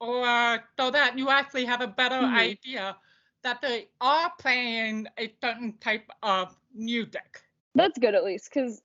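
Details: Deaf speech of an adult woman from the deaf community.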